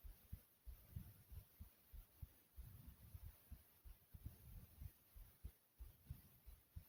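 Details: Person's own heartbeat recorded through the chest, described as soft and quick: low thumps at roughly 90 beats per minute; rapid heartbeat.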